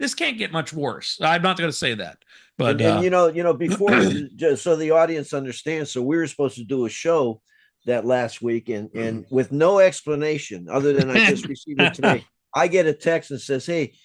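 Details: Adult man; ordinary speech.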